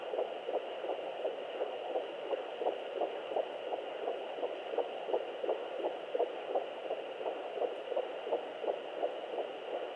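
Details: Fetal heartbeat at 11 weeks of pregnancy on Doppler: rapid, regular whooshing pulses at about 170 a minute over a steady hiss.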